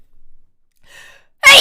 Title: 재채기 14호기 _ 헤에 귀여움